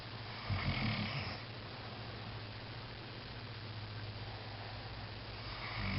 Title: Snoring